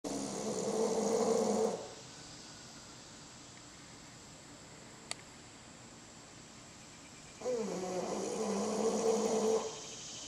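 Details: Bulldog snoring after a workout: two long, loud, rattling breaths separated by a quiet pause; heavy snoring.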